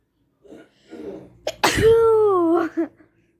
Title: 1 sneeze.